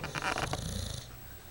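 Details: Sleeping dog under a pillow: a brief low, rumbling snore with a breathy, fluttering edge: snoring.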